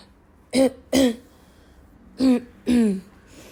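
Four short voiced bursts of throat clearing and coughing in quick succession, in a quiet room.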